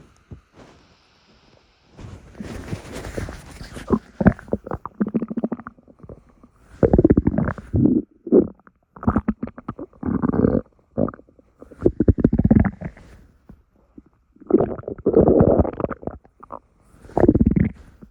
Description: Here are some morning rumbles for you all to enjoy.